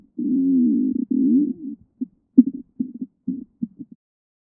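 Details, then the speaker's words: Abdominal assessment demo: low drawn-out rumbling growl then short bubbling gurgles; normal stomach growling (borborygmi). "let's start in the right lower quadrant bowel sounds are most common here and sound like high-pitched gurgling every few seconds"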